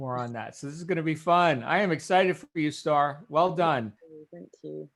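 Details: Adult male speaker; normal voice.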